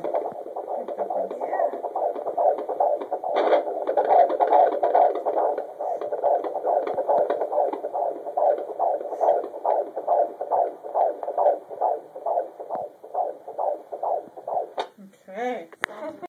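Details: A steady run of soft, regular thumping pulses: a heartbeat recorded up close.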